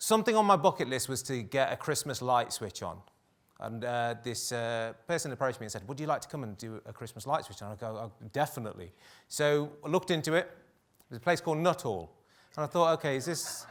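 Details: Adult male speaker; normal speech.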